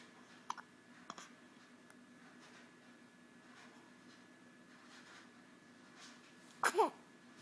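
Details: Hiccup sneeze: a few soft, abrupt catches of breath in a quiet room, then a sharper sneeze-like burst; hiccups.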